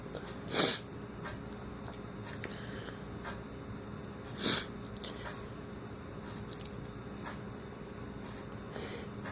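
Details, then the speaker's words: Sneezing in a person with a runny nose since waking in the morning: two short, hissing sneeze bursts about four seconds apart in a quiet room, with faint sniffs between. "As the morning started to progress, I noticed I had to sneeze. That means good luck for you guys."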